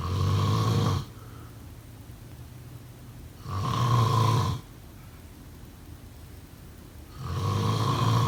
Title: Snoring sound … #5